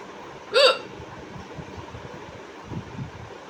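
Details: One sharp, loud, abrupt gulping hiccup over quiet room noise; a woman's real hiccups, the voice box snapping shut with each breathing spasm. Hiccup.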